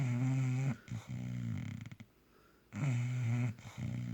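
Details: Bulldog snoring loudly while asleep, enough to keep the owner awake: loud, deep, rattling snores with snorting breaks and pauses between breaths; flat-faced dog snoring.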